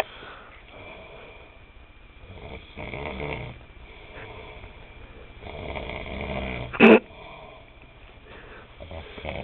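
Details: Adult man snoring during sleep.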